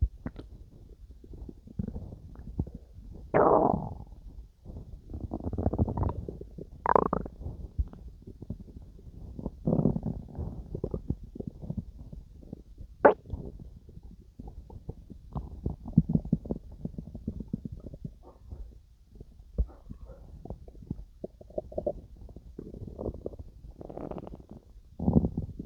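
Repeated gurgling and rumbling abdominal sounds, ordinary stomach growling during digestion.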